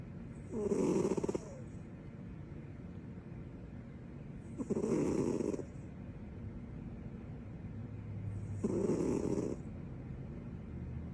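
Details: Snoring with her tongue out: three rough snoring breaths about every four seconds, roughly 15 a minute, over room noise.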